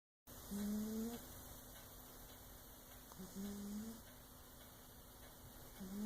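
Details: Cheshire the cat snoring like a man: steady, tonal snores from a sleeping cat, about 21–23 a minute, over faint electrical hum and hiss; snoring.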